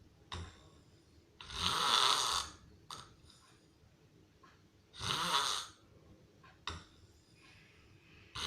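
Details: Loud snoring, possibly in a hospital (per hashtag): harsh, noisy, rasping snores about every 3 seconds, roughly 18 a minute, with short snorts between them.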